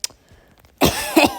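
An adult gives a single short, harsh cough with a throaty, voiced tail after a quiet pause.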